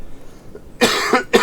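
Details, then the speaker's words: Adult man still recovering from flu that began with sore throat days earlier: two loose, forceful coughs. "Got hit pretty bad with this flu, and then you can hear I'm still coughing."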